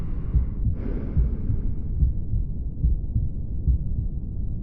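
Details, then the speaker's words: Mitral regurgitation murmur, where the valve fails to close and blood flows back into the left atrium: a heartbeat at about 72 a minute with a continuous low whooshing murmur filling the spaces between beats. "इसका backward flow होना तो इसकी वजह से जो sound आता है तो ये यहां पर कुछ इस तरह सुने पड़ता है"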